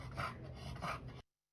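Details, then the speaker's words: Flat-faced (brachycephalic) dog with brachycephalic obstructive airway syndrome: harsh, raspy, snoring-like stertor, the sound of soft tissue obstructing the airway. "raspy sound that stirder that is the sound we're looking for because that is a tissue obstructing the airway"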